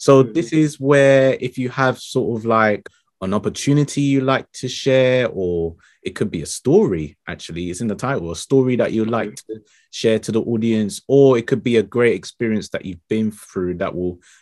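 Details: Adult male speaker; typical speech.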